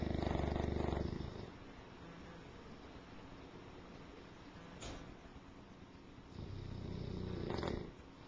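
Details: English Mastiff dog snoring, recorded with a Flip Video camcorder: deep, fluttering snores at the start and end with a low rumble between them, about two snore cycles in eight seconds, in a quiet room.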